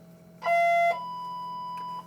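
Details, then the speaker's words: Electrosurgical unit switched on during preventive-maintenance testing in a biomedical equipment training program, after leakage-current checks: loud steady electronic tone then a softer higher tone at power-on before its self test. "all right next on the PM procedure we are going to turn the device"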